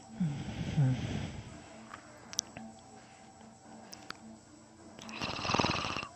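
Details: Sleeping adult snoring: rough low fluttering breaths, a quiet pause, then another noisy snoring breath.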